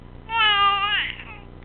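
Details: Infant aged 5 weeks lying on a couch, with hiccups: a single high, clear vocal squeal of about a second that drops off at the end; infant squeal.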